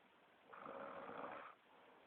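A single rough, noisy snore lasting about a second during sleep, with quiet breathing around it. Ordinary snoring.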